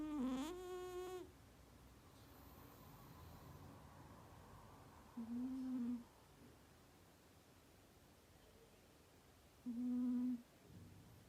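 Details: Persian cat sleeping: loud droning snores, three breaths over eleven seconds with quiet gaps between; cat snoring.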